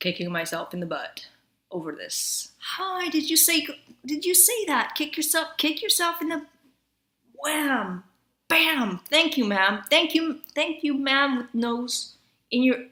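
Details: Tourette syndrome with coprolalia and associated obsessive-compulsive disorder, in a female; vocal tics of noises and words described as semi-voluntary or involuntary. Vocal tics (Tourette syndrome).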